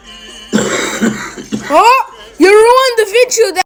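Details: A father gives about three rough, harsh adult coughs in quick succession, interrupting his child's alphabet recording; the child's high-pitched voice follows.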